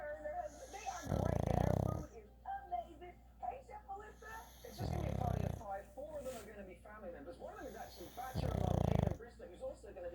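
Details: Pug snoring: three loud, low rattling inspiratory snores about every 3.5 seconds, roughly 17 per minute, with quieter snuffling between; snoring from a flat-faced dog.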